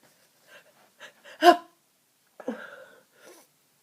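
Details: Day 3 of a cold with blocked nose, feeling very ill: short nasal catches build to one sneeze, then a weaker second stuffy, congested burst.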